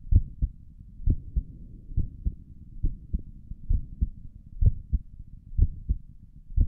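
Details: Heartbeat heard through a stethoscope on the chest for an ASMR recording: soft, steady paired low thumps at about 63 beats a minute with a quiet hum underneath; stomach gurgles occur during the recording; normal heart sounds.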